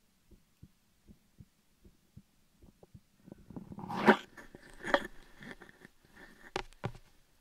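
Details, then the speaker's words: Own heartbeat attempted through a stethoscope in an ASMR recording: normal heartbeat. "I don't know if I'll be able to do my heartbeat. We'll see."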